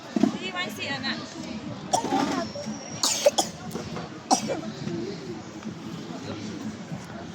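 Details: A child in a noisy crowd gives several harsh, separate coughs, a coughing spell strong enough to bring on vomiting; cough with post-tussive vomiting.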